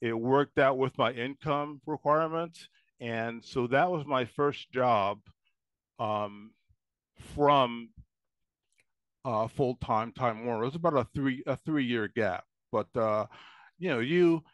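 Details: Man with lasting speech impairment ten years after an ischemic stroke at age 44, with ongoing trouble enunciating words, stuttering or needing several attempts; post-stroke speech impairment (aphasia).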